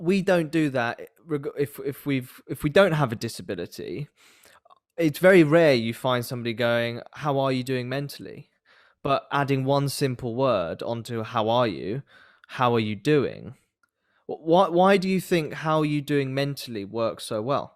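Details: Adult man speaking; typical speech.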